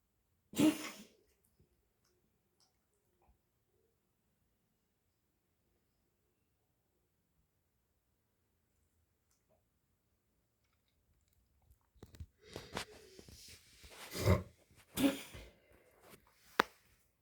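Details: Dog coughing: one harsh burst, a long quiet gap, then a run of three or four rough, hacking coughs with throat clearing; cough.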